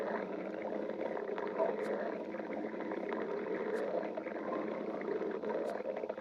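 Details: Stomach growling (borborygmi).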